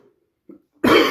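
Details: Person who says they are sick, talking at length and drinking tea to avoid coughing: faint throat sounds, then a loud harsh cough burst at the end.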